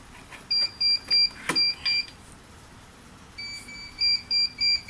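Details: Repeated high electronic beeps in two groups, about 200 a minute, from a neonatal nasal CPAP device being set up in a training demonstration, with quiet room noise; device alarm beeps.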